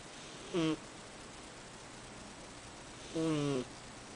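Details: 8-year-old cat snoring while asleep: two soft, brief buzzing snores about two and a half seconds apart over quiet room noise.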